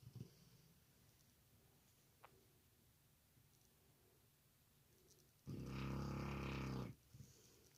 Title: amsr dog snores